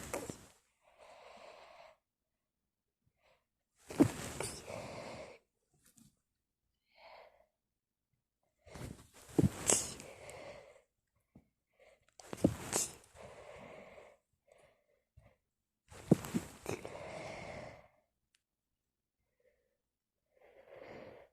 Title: Sneeze attack on a tissue